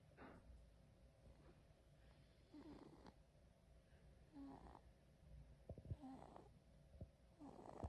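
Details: Baby girl sleeping: soft, quiet rhythmic snoring with low rattling breaths every second or two; snoring.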